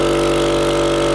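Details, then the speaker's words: Powered suction device switched on during an EMT BVM skill scenario on a simulated apneic adult whose mouth is full of secretions and vomitus: steady loud motor drone with constant hum. "the examiner now informs a candidate the mouth is full of secretions and vomitus prepares rigid suction catheter turns on power to suction device or retrieves manual suction device"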